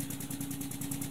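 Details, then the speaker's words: SensorMedics 3100A high-frequency oscillatory ventilator in a pediatric teaching demo, power raised to increase delta pressure toward 60: steady low hum with rapid even buzzing pulse about ten cycles a second. "I'd like to take several minutes to demystify this device this is a high-frequency oscillatory ventilator as you know this is the sensor medics 3100 a"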